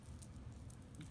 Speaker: so this is definitely saying that my stomach's growling if you guys hear that okay sorry